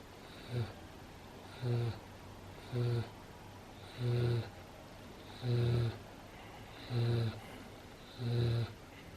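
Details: Dog snoring about 5 minutes after a long walk, play and 10 minutes of zoomies: regular low rumbling snores with each breath, about seven in nine seconds (roughly 45 a minute), over quiet room noise.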